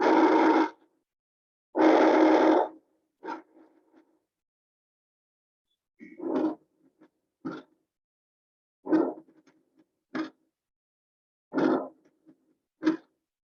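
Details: Normal breath sounds on auscultation: airy bronchovesicular, vesicular and bronchial breathing played in sequence.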